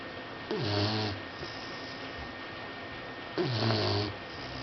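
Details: Sleeping boxer puppy: two loud, rattling, buzzy snores on the in-breath, about three seconds apart, with quiet breathing between, likened to an old man snoring; snoring.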